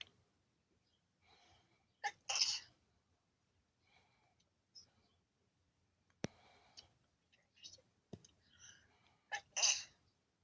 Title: pretty woman have nice sneezing